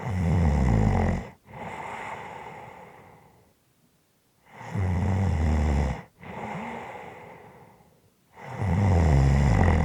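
Loud, low, rattling snores on each breath in, with softer breathing out between them: ordinary heavy snoring.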